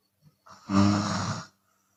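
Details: Chinese woman asleep, open-mouth snoring type, sometimes snoring on exhale: a single loud, harsh, vibrating snore of about one second, preceded by a faint breath.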